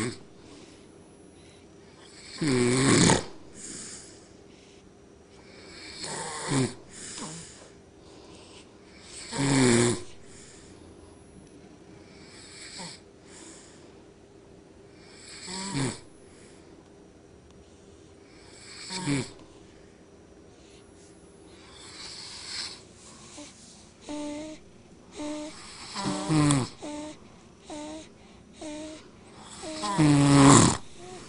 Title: Daughter and Father both are snoring together while in tight sleep lol